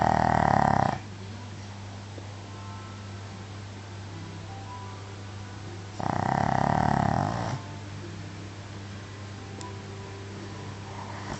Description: really loud snoring from a tiny shih tzu